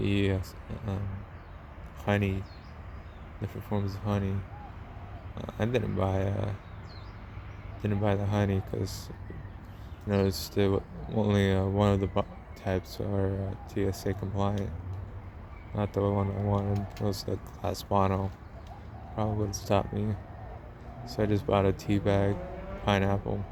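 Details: Man narrating a travel log, self-described as having a speech impediment, type not named; disfluent speech; speech impediment.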